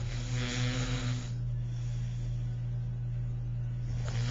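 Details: Ordinary snoring from an adult woman, a mother who was home sick and napping in the daytime, recorded on a Flip Video camcorder: low, droning, rattling breath noise through the nose and throat, with a louder inhaled stretch.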